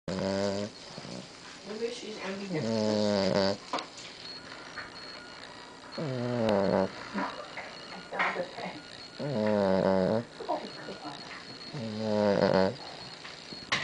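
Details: Dog fast asleep and snoring: repeated rough, voiced snorting breaths with snuffling between, irregular, about 20 a minute.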